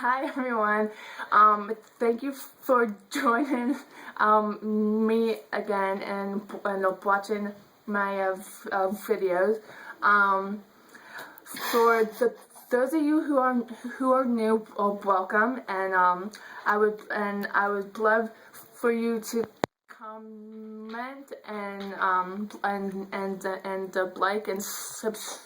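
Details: Adult woman who states she stutters; stuttering.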